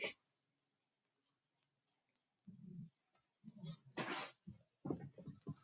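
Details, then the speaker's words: Pet dog sleeping in the background during a live home science session: quiet, low, rumbling snorts in short irregular bursts with a few sharper breathy puffs, loud snoring. "I don't know if you guys can hear, but our dog is snoring so loud in the background. Sorry if you can hear that."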